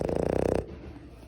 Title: Our Boston Terrier Stitch snoring lol